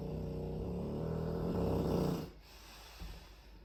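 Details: Loud, rough, rapid snorting breaths from a Dogue de Bordeaux lasting about two seconds, then quiet breathing; snorting, possibly snoring.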